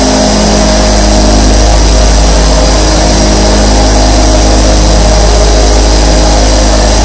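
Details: Nebulizer compressor sound.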